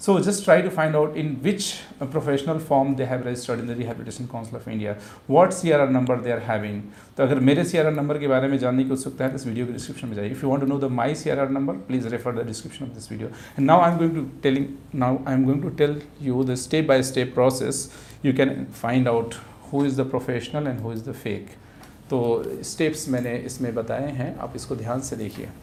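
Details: Adult male speaker; normal speech.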